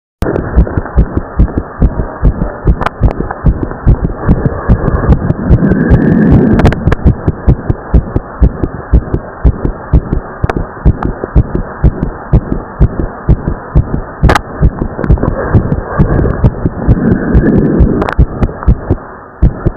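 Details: Teenage boy's heartbeat after pushing himself hard in exercise: rapid, strong beats with the second heart sound split into two close parts; split S2.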